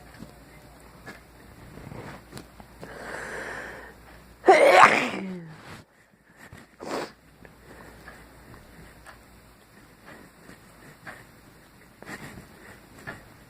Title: I'm still sick and sneezing